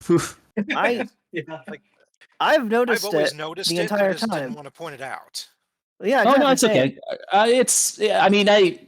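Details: Adult speaker; typical speech.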